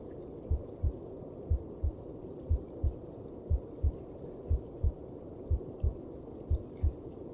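Soft, regular paired thumps about 60 a minute over a low rushing whoosh, a heartbeat heard as from inside the womb.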